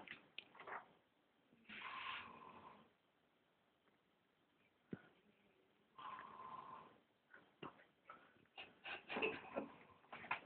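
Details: Sister snoring during sleep, sounding like Darth Vader.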